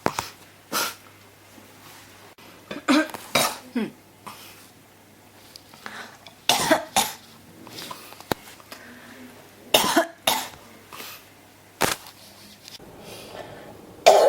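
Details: Persistent cough, hashtagged with pneumonia: about ten cough bursts, singly and in pairs, over fourteen seconds in a quiet room.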